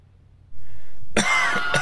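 A single abrupt cough burst from an adult after a brief quiet lead-in.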